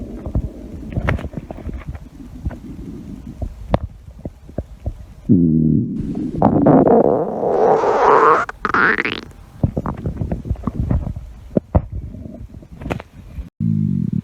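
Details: Stomach growl: long gurgling, rumbling and squeaking abdominal sounds with rising pitch, ordinary bowel sounds (borborygmi).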